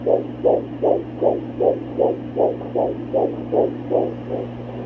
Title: Fetal Heartbeat with Doppler ❤ Almost 17 Weeks Pregnant